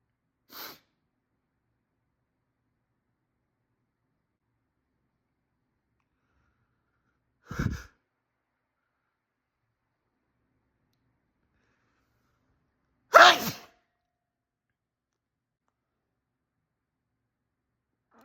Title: I really had to sneeze